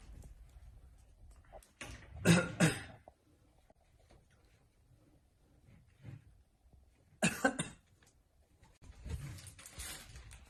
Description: The dog gives a man feeding him a mask after he starts to cough.